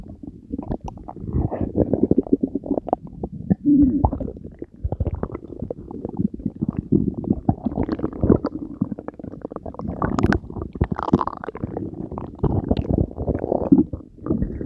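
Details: Belly gurgle ASMR recording after drinking Diet Coke with Mentos: continuous bubbling, gurgling and squeaky rumbles, loud active bowel sounds of ordinary digestion.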